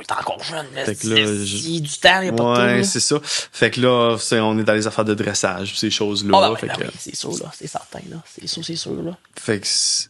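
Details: Adult man who stutters and uses his own techniques to control it; stuttering.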